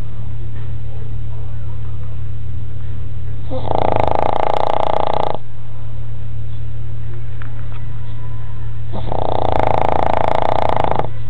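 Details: Sleeping dog gives two long, loud rattling snores on the in-breath, about six seconds apart, over a steady low room hum: loud snoring.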